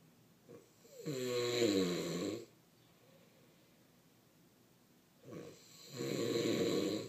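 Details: Person snoring: two loud, rattling, vibrating breaths in about seven seconds with quiet pauses between; typical snoring.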